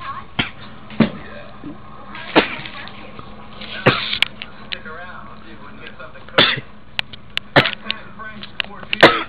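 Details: Repeated harsh, explosive coughs in close succession, a coughing fit after smoking; reportedly coughed for about five minutes straight and could not stop.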